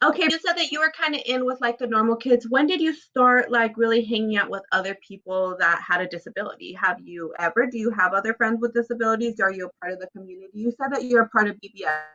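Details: Adult woman speaking; normal speech.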